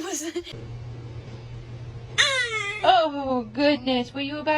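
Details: Baby: a brief sneeze-like sound followed by short, high-pitched crying bursts over a low steady hum.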